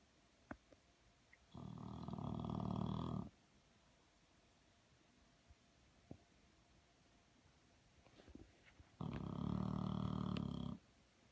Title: Filmed English Bulldog she had no idea, loud snoring on My Virtual Bulldog channel